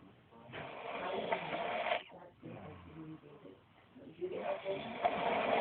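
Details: Older brother, who claims he doesn't snore, asleep: rough, rattling breaths in and out with a harsh fluttering quality; loud snoring.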